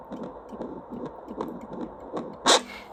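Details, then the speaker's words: Pregnant woman's own heartbeat picked up by a low-cost home fetal Doppler while she demonstrates it: rhythmic whooshing maternal pulses, said to be faster in pregnancy, with one handling thump. "me las va a seguir mi corazón porque ese es mi corazón"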